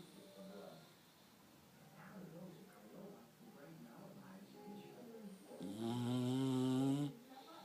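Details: English Bulldog snoring very loudly: soft rattling breaths, then a loud, long, buzzing snore on a single breath.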